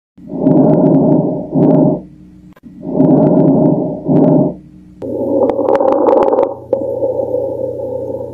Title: Ruidos pulmonares #pulmones #medicina #aprende #salud #doctor